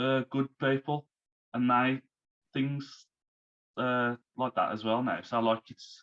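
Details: Man, now 34, who had a stroke at 33 about three months earlier, losing speech, reading and writing; recovering, with speech worse when tired; post-stroke aphasia.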